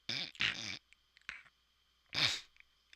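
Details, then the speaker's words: Lecturer imitating sleep apnoea during a developmental psychology lecture: imitated snorting and a sudden loud gasp, mimicking a sleeper jolting awake when breathing stops. "you Joel to wait because your brain registers that you're not breathing anymore that's exactly what it sounds like it's incredibly scary"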